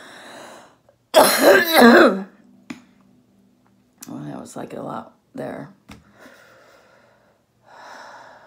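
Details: Adult woman, an orthopedic surgeon recovering from COVID-19 at home: a breath in, then a forceful, rattly cough burst and a few shorter loose coughs before another breath; productive wet cough.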